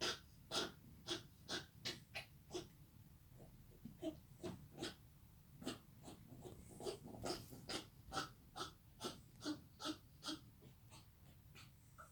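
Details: A Yorkie gives a rapid run of about 25 harsh, wheezy, honking coughs over twelve seconds. The owner is unsure of the cause.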